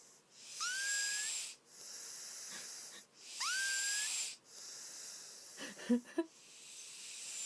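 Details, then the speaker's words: Person asleep, snoring with hissing breaths and a high whistling tone on two inhalations, likened to a guinea pig squealing, followed by rustling; a squeaky, wheezy snore. "Sounds like guinea pig squealing."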